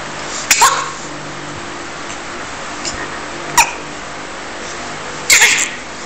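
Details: Infant on a playmat sneezing: three brief bursts of air over steady room hiss, the last one fuller and more explosive, consistent with infant sneezes.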